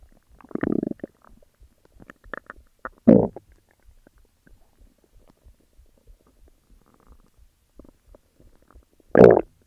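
Loud gurgling rumbles in short bursts with quiet ticking between, ordinary stomach growling from gas and fluid moving through the gut.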